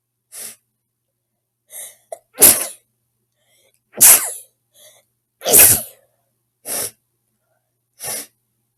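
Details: Girl sneezing: about seven sharp, hissy sneezes in a row, some preceded by quick inward catches.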